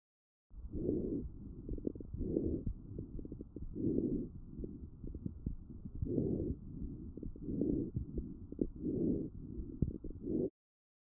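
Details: Lung auscultation with a StethoMe electronic stethoscope: many brief, fine crackling pops scattered across the breathing cycles; fine crackles, identified and classified by AI algorithms.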